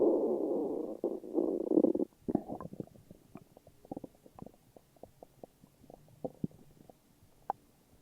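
Low gurgling rumble, then a run of irregular bubbling pops and clicks; ordinary bowel sounds of an empty stomach.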